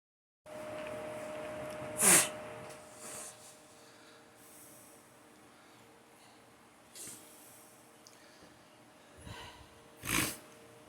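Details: Person sneezing hard on waking in the morning: two sharp, forceful sneezes a few seconds apart, with quieter sniffs and breaths between, in a small room.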